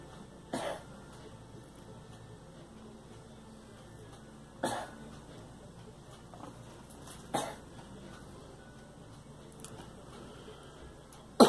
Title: Girl coughing